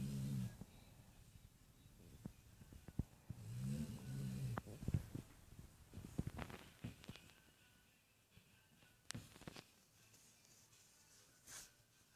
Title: my snoring chow chow:D